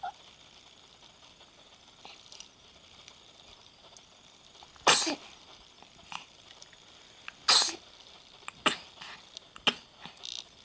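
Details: Four short, sharp sneezes in about five to six seconds in a quiet room, with faint sniffles between them.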